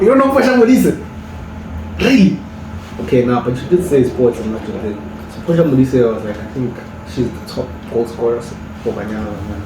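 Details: Adult man; no speech disorder.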